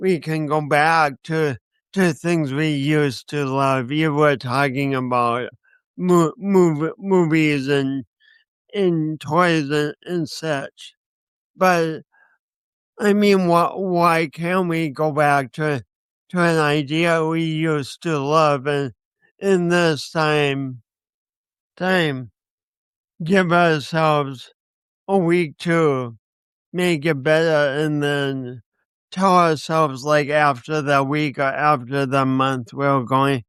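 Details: Speech impediment with disfluency in a man who also has coordination issues; he says he has not overcome it.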